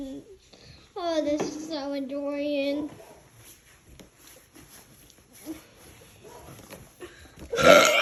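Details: A long, drawn-out voluntary voiced burp with a steady low tone, done on request with cousins laughing in the background, then quiet room sounds and a brief noisy burst; burping.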